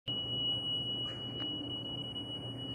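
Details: Steady high-pitched continuous alarm tone from a defibrillator-monitor over faint room noise, heard during cardioversion of a man with tachycardia, a fast heartbeat being slowed by the defibrillator.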